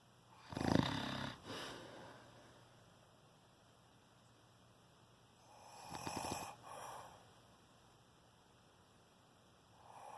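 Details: Snoring during sleep at 4:40 am on the second night of recording: two harsh, snorting snores about five seconds apart, then the start of a third, against quiet room noise. Described as shocking snoring.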